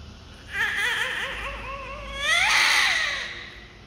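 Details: Newborn baby, described as healthy, crying loudly: two loud, strong, high-pitched vigorous wails.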